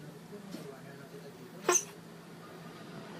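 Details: Dog sneezing after smelling puppies, as if from allergy: a faint sniff, then one sharp, brief snorting burst through the nose; a single dog sneeze.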